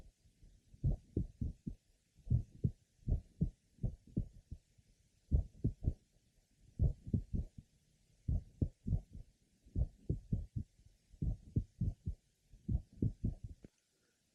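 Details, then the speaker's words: Grandmother with familial mitral valve prolapse, heard at the apex: irregular rhythm with frequent premature beats, mid-systolic click or clicks, and a soft late apical systolic murmur. "this is a patient's grandmother note that she has frequent premature beads she has a click or clicks around mid sisterly and a late apical systolic merma"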